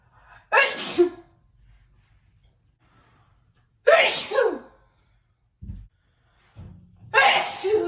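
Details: Three forceful sneezes, each a sharp intake then explosive burst, separated by quiet pauses, from a woman sneezing while standing, shortly after waking and breakfast; sneezing.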